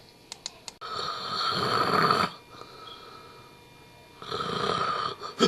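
After a few soft clicks, an adult gives two long, rough, rattling snores with a quiet breath between; acted snoring.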